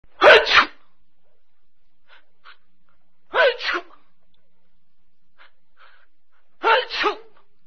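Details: Three sharp two-part sneezes, each a quick intake then a forceful 'achoo' burst, about three seconds apart with faint breaths between; sneeze.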